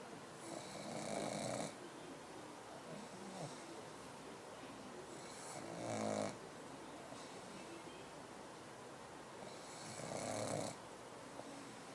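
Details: Pug lying down, falling asleep and snoring: three slow, rasping, whistly snores about four to five seconds apart, roughly 14 breaths a minute, over background hiss.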